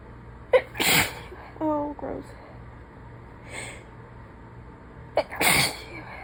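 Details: Woman who is sick, sneezing: two forceful, wet-sounding sneezes, each with a quick in-breath first, a brief voice between; sneezing.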